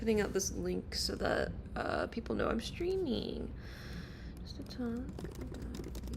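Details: Adult man speaking; normal voice.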